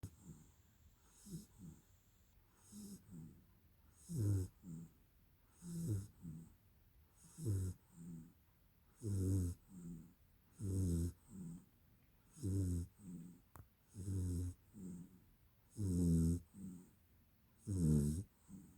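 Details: Dog named Bori snoring during a nap: soft rhythmic snorts on each breath, about 35 per minute; harmless nap-time snoring.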